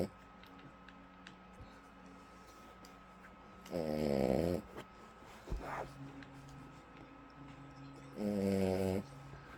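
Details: Female pet dog: two rattling snores about four seconds apart, a faint snort between, over a steady household hum; snoring.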